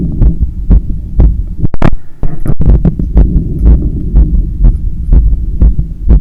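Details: Adult's heart sounds recorded after running 10 km and climbing 15 floors of stairs; fast, hard heartbeat about 120/min with audible breathing, a normal response to strenuous exercise.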